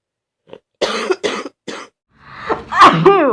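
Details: Sick student with a 39.2°C fever, congestion and a very bad sore throat, starting to bring up mucus: three loose, rattly coughs, then a harsh throat-clearing effort; productive wet cough.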